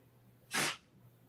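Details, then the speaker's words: A single short, sharp burst of air through the nose in a quiet room: a dog sneezing. "oh did you hear that that was my dog sneezing"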